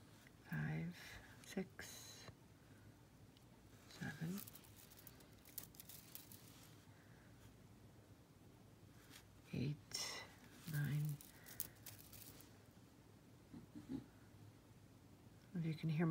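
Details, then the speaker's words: Dog sleeping in the background while jewelry is being made: low, rattly snoring bursts, with quiet handling and crinkling sounds nearby. "in the background she's snoring she loves being in here"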